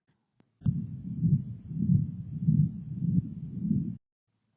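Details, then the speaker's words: Teaching clip: unbroken low rumbling that swells with each beat, about 100 a minute, heard through systole and diastole; continuous machine-like murmur of patent ductus arteriosus, a left-to-right shunt. "a PDA may be detected on cardiac auscultation as a continuous machine-like murmur"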